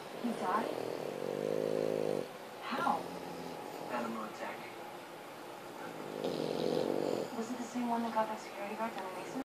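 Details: Two long, rumbling, buzzing inspiratory snores with quieter snuffling breaths between, from a sleeping French bulldog; snoring.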